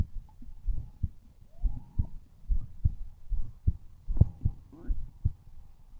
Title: MY HEARTBEAT